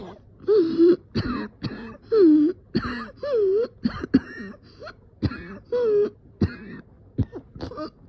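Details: Person coughing and dizzy, feeling about to pass out: repeated short coughs and throat clearing, about ten in a run, with voiced, groaning sounds between bursts.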